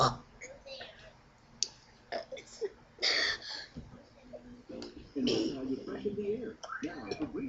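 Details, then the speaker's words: Person reciting the alphabet through belches ("burp ABCs"): speech-like sounds voiced while burping; burping. "Okay, we're seeing episode 3. Now I will do Burp ABCs. Burp ABCs."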